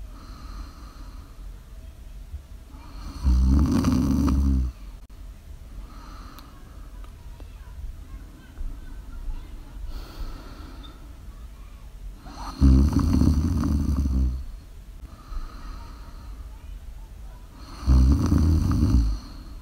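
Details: Live ASMR recording of a person sleeping: three loud, low, rattling snores about every seven seconds, roughly eight breaths a minute, with quiet breathing between; snoring.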